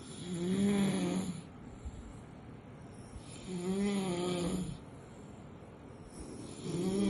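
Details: Sleeping puppy snoring: slow, regular tonal snores, about 19 a minute, each on the in-breath with quiet out-breaths; ordinary snoring.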